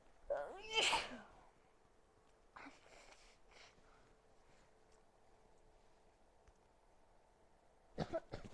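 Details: A loud explosive sneeze, later followed by fainter sneeze-like bursts in a quiet room; sneezing with a cold.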